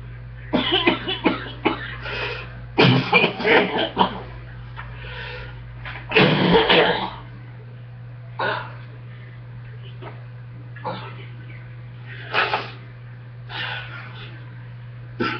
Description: catching a chest cold again beware of the gags in this video